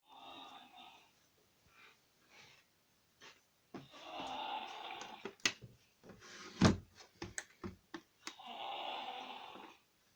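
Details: Toddler snoring in sleep: rough, noisy breaths about every four seconds, roughly 15 a minute, with a few clicks and bumps in a quiet room.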